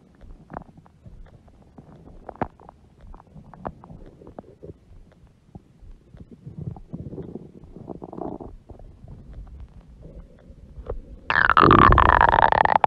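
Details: Woman's huge belly stomach growling: quiet gurgles and bubbling rumbles ending in a louder, drawn-out groan, stomach growling from gas and fluid moving through the gut.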